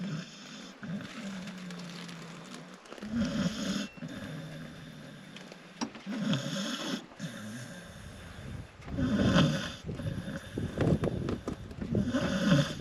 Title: Tess The Dog Snoring - UNCAGED